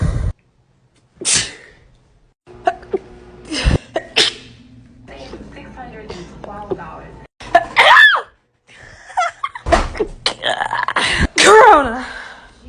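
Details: Several sharp, explosive sneezes mixed with voices and room noise; sneezing.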